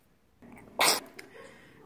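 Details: Newborn boy: one brief, sharp sneeze burst after a short quiet lead-in; an ordinary infant sneeze.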